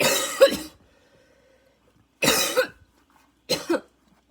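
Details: Second fit a few minutes after an earlier one: three harsh barking cough bursts with a faint high whistling wheeze after the first; lungs struggling, inhaler badly needed.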